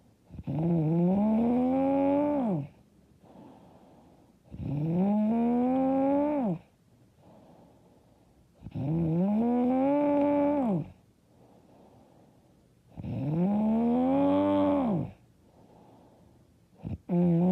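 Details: Loud, rattling, voiced snores on breathing in, about four in 17 seconds, with quieter out-breaths; self-described very loud, hard snoring.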